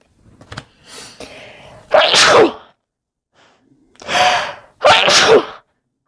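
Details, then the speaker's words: Female sneezing after burning sage indoors: sharp inhaled catches, then three forceful sneezes in quick succession. "sorry about that I uh burned some sage in here earlier and now I keep sneezing it's driving me nuts"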